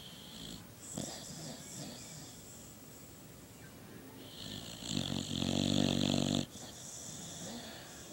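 Soft whistling nasal breaths followed by one louder, rattling snore over low room noise.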